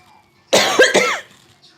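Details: Three sharp, harsh coughs in quick succession from an adult eating very spicy stir-fried beef tripe and offal; reflex cough after choking on food.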